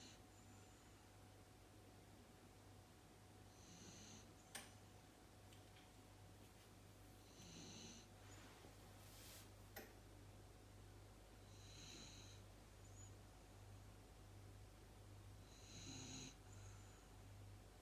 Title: DOG 🐕 SNORING 😴 LOUD-#Shorts